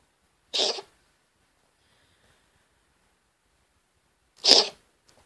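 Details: Cat the owner suspects has respiratory issues: two short, sharp, hissing bursts a few seconds apart, consistent with coughing.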